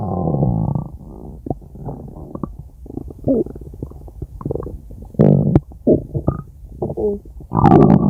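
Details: Loud, low gurgling and rumbling with bubbling pops; ordinary stomach growling (borborygmi) from gas and fluid moving through the gut.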